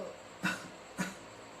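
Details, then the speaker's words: Two brief, deliberate coughs over faint room hum in a physiotherapy training demonstration of effective coughing, with the patient supine and told to breathe in and out, then cough twice; voluntary effective cough. "kemudian ada tepuk batuk efektif posisi pasien terlentang kemudian instruksikan pasien untuk Tarik nafas dan hembuskan"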